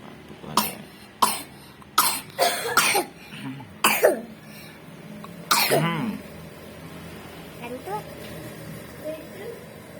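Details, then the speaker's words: A young child, recovering from a fever and already on cough medicine, gives about seven sharp coughs in short bursts, some in quick pairs; cough and cold remaining after the fever. "udah adem badannya eh malah batuk sekarang tinggal batuknya yang belum sembuh Sabar ya"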